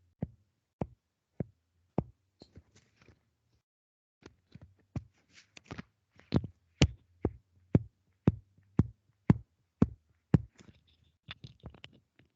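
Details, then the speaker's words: Resonant percussion note: repeated taps as the instructor percusses over her own lung on the upper chest during an online semiology class, softer and hollower than over the sternum; the normal sound of air-filled lung. "¿Lograron escuchar el último? Sí, sí, doctora. Sí, se escuchaba más suavecito. Ese es el resonante, ese era mi pulmón."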